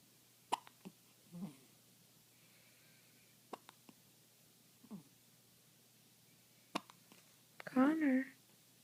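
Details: Newborn baby a few days old with hiccups; hiccups.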